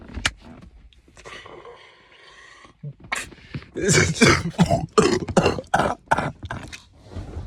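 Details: A young man gives a heavy, fitful cough that he likens to drawing a bow or a stretched rubber band, with a zombie-like sound: a cough.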